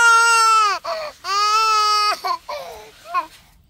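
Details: Two long, loud wailing cries with a clear voice, each followed by short sobbing catches and whimpers; infant crying.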